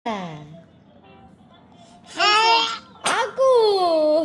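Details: A 100-day-old baby gives a single sharp sneeze between soft, high-pitched voiced sounds.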